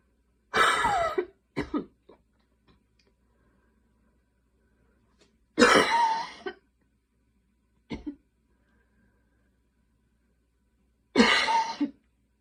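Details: Night coughing fit at 12:30 am while unable to fall asleep: three harsh cough bursts, each followed by a short extra cough, in a quiet room.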